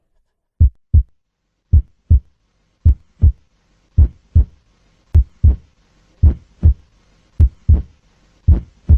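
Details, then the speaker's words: Cardiologist's example of sinus bradycardia, a slow rhythm still driven by the sinus node: slow, steady lub-dub at about 52 beats a minute. Under 50 beats a minute is said to count as bradycardia. "Esa es la bradicardia. A menos de 50 latidos por minuto se considera bradicardia."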